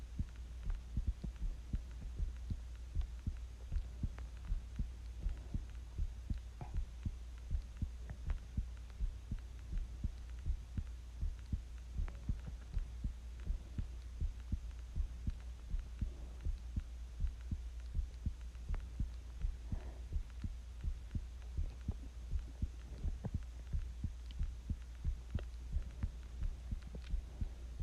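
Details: Own heartbeat recorded while sick with the flu: steady low heart thumps at about 80 beats a minute over a constant low hum.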